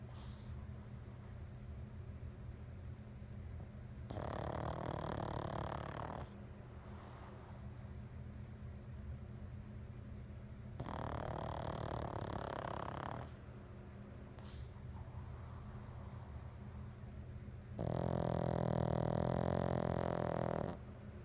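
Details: 8-month-old pug snoring: loud, rumbling bursts separated by quieter breathing from a small flat-faced dog.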